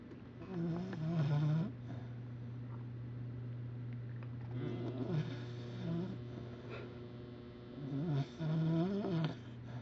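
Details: Cocker spaniel crammed under a computer desk, sleeping and snoring: rough, low snoring breaths repeating every few seconds over a steady hum.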